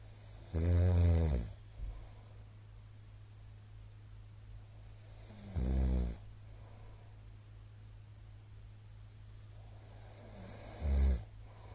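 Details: Middle-aged man heavily snoring during sleep, recorded 13 March 2022 and described as very loud: loud, rattling inspiratory snores about every five seconds, with a steady background hum.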